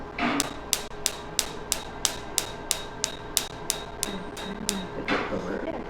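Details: Sharp, evenly spaced snapping clicks, about three per second, from a Pico-Way picosecond laser removing a tattoo from a patient's pinky, with skin whitening (frosting).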